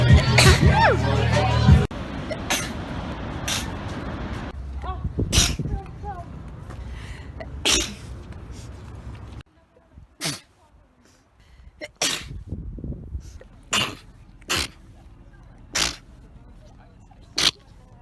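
A series of sharp, explosive bursts, each a separate sneeze, with music and voices at the start and quiet gaps between.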